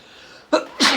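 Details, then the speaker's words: Single sneeze on a rainy morning, from someone with a tickle all morning: a quick indrawn breath, then one loud explosive sneeze. "Got a tickle all morning. I've been feeling like oh boy. I'm gonna sneeze."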